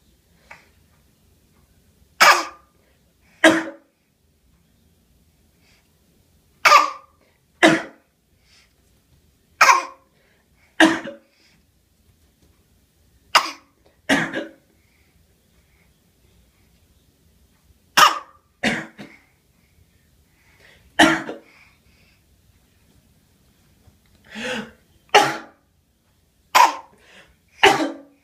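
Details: A baby gives short, deliberate coughs, mostly in pairs, a voluntary fake cough rather than from illness.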